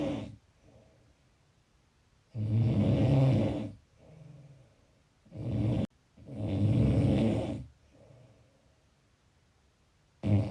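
Loud, rough snores on each in-breath, with quieter breathing out between, about 16 breaths a minute.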